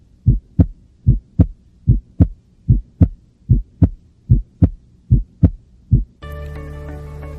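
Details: Physiological splitting of the second heart sound.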